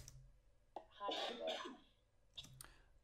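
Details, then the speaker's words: A cough captured in a recorded podcast conversation, found while editing the audio track. "except here is a noise i suspect this is the cough so let's have a listen"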